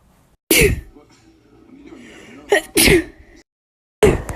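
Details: Young woman sneezing indoors, who blames a pollen allergy and thinks she may have a fever: three explosive, wet sneezes, each preceded by a sharp in-breath, in close succession; a bout of sneezing.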